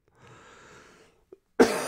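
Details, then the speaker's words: Adult man coughing after a run that opened up his lungs, coughing he says he normally has after running: a quiet breath, then a single sharp cough burst. "i've been paying for it all day long um with coughing um like i normally cough anyways for a little bit after a run"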